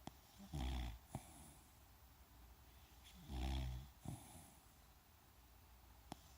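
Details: Loud snoring in a Cavalier King Charles spaniel cross dog: two deep, rumbling snores about three seconds apart, each followed by a soft click, in a quiet room.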